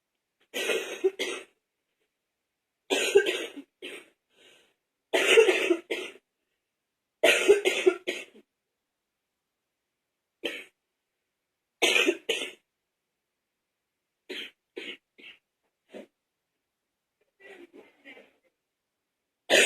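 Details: Older candid recording from an adult with a cold: repeated loose, rattling wet coughs in clusters, with quieter coughs trailing off.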